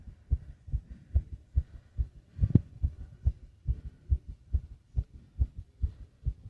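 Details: Fast heartbeat with heavy breathing: rapid, regular, muffled heart thumps at about 140 beats a minute.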